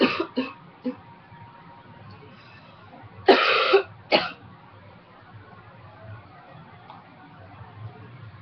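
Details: Several short, harsh coughs and throat clears without rattle or gurgle; dry cough in an adult with a cold who quit smoking almost two years ago.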